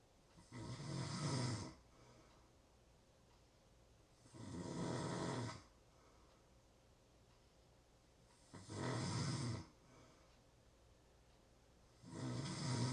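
Four loud, rough snores with quiet gaps between them, about 16 breaths a minute: ordinary snoring.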